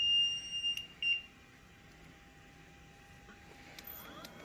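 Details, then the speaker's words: LTV 1200 transport ventilator switched on during setup: a few short high electronic beeps, then quiet room hum; normal power-up tones. "Alright, so turn it on. It's going to go on."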